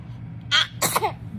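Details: 3-month-old baby boy with hiccups: a tiny breathy burst followed by a sharper hissing puff and a brief whimpering squeak, an infant's sneeze.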